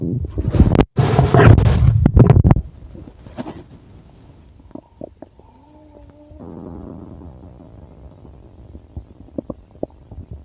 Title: stomach growling and heartbeat